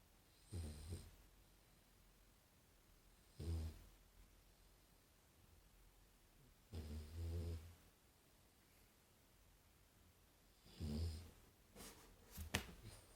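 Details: English Bulldog born December 2015, snoring: four low, rumbling snores at irregular intervals, about 16 a minute, with quiet breathing between them.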